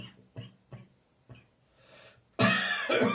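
Several soft throaty coughs, an inhalation, then a loud double cough with a slightly wet, phlegmy quality.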